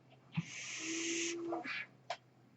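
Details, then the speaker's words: The speaker's own mechanical ventilator sounds during a podcast introduction: a steady hiss of airflow with a faint hum, then a short release puff and a click, one ventilator breath; mechanical ventilator breathing cycle. "Hello, everyone. That noise here is my ventilator."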